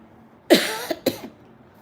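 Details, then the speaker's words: An adult woman with a cold and a hoarse voice gives two quick, loose coughs in a quiet room. Her cough and cold came back even before her medicine ran out. "पण सध्या बघा आता त्या medicine संपत नाही तर लगेच खोकला सर्दी चालू झाली आता याचा पण कंटाला आलाय"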